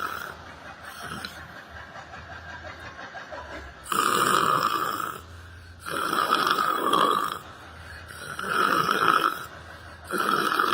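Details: Person sleeping while sitting on a bench in a library: loud, rough snores about every two seconds with quieter gaps, over faint room noise; ordinary snoring.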